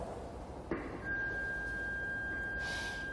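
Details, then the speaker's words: Automated external defibrillator (AED) in a safety-training demonstration, case opened on the floor: a steady high beep as it powers on automatically. "이렇게 삐 소리와 함께 자동으로 전원이 켜지는 지 확인 해 주면 되는데요"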